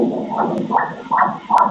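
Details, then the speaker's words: Fetal heartbeat on ultrasound Doppler at 17 weeks 4 days of a first pregnancy: rapid, regular whooshing pulses, very rhythmic, heart rate 150 beats per minute, normal. "It's very rhythmic, heart is very good. The heart rate is at 150 beats per minute."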